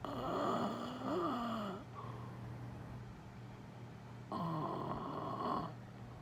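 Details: Husband asleep (denies snoring), snoring: two loud, buzzing, vibrating snores on inhaled breaths with a quiet pause between, over a steady low room hum.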